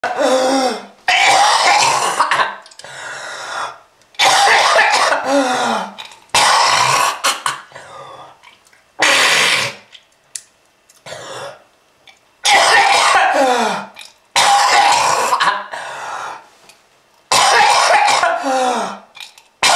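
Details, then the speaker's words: Repeated harsh, wet, hacking coughs and throat-clearing in a long fit, described as lung disease from smoking, with red-coloured sputum. "If you want this to happen to you, just keep smoking. This is lung disease."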